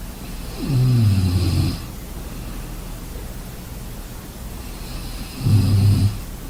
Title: Sleeping sounds snoring